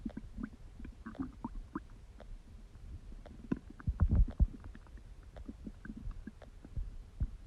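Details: Bowel sounds.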